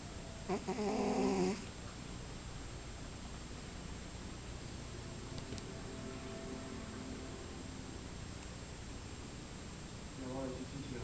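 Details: A sleeping cat snoring: two loud, buzzing snores about ten seconds apart with a low steady rumble in between.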